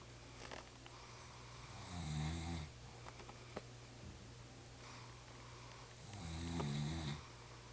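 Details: Two low, rattling snores a few seconds apart over a steady background hum. Snoring.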